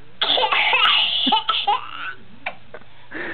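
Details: Female laughing hard in squealing bursts, breaking into a few short coughs, then settling; cough brought on by laughter.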